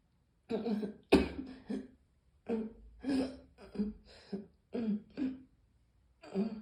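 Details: Morning cough: about eight short, harsh coughs in small clusters, some with a throaty, clearing quality; a loose cough.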